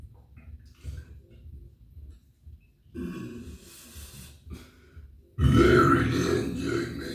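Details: Deliberate burping performance: low grunting sounds followed by two drawn-out, rumbling belches, the last loud and prolonged; belching.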